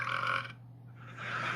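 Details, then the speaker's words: Girl burping: a short, loud, rumbling voiced belch, then a second gassy burst; a burp. "Das war so ein kotzröp, ne? Da hast du richtig gemerkt, wie was mit hochgekommen?"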